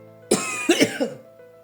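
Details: Cough from an adult woman who says she has a cold and has lost her voice.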